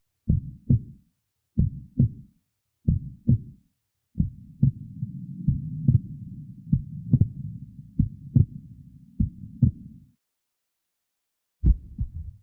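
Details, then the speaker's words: Normal heart sounds S1 and S2 in an educational heart-cycle animation: regular paired lub-dub at about 46 a minute. S1 occurs as the mitral and tricuspid valves close and S2 as the aortic and pulmonary valves close. "Saat katup aorta dan pulmonal menutup. Dan beginilah suaranya dari jantung S1 dan S2."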